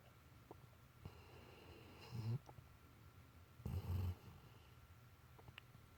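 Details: Pet fast asleep with rapid eye movement (REM sleep): two short, soft, low snorting snores over quiet room noise; ordinary snoring.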